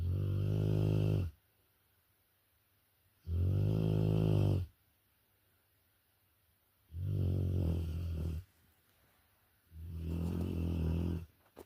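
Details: Deep, regular rumbling snores from Rottweiler dog asleep, about one every 3 seconds (roughly 20 a minute), with quiet gaps between; snoring.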